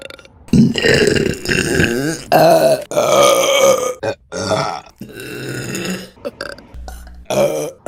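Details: Run of long, loud, rumbling burps with brief pauses between them; repeated voluntary belching.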